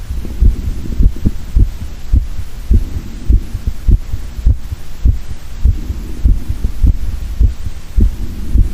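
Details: A man's steady, regular, low thumping heartbeat at about 103 beats per minute, recorded through a stethoscope linked to a microphone.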